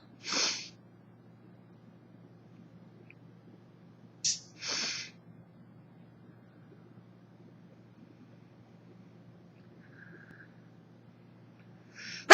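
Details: 24-year-old woman with summer allergies sneezing, recorded on an old phone that distorts the audio: three sharp, hissing sneeze bursts, two close together, in a quiet room; repeated sneezing.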